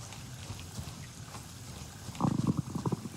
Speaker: And there's my stomach going, if you can hear that.